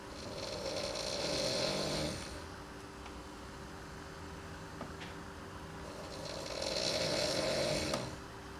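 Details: Housemate snoring during sleep: two long, rough, rattling breaths about six seconds apart, with quiet breathing between.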